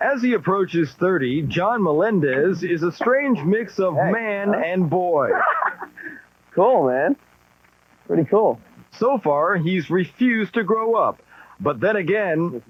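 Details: Adult male speakers, radio-style narration; fluent speech.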